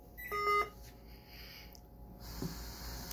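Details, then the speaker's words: Short bright electronic beep, then quiet room: Philips Respironics V60 BiPAP machine powered on with the power button from standby while plugged in, respiratory equipment demonstration. "so we're going to turn it on with the power button since we're already plugged in and good to go"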